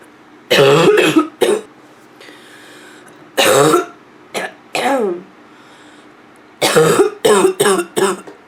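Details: Nonstop barking cough from a female: repeated harsh, voiced cough bursts in clusters with brief quiet gaps, ending in rapid throat-clearing coughs.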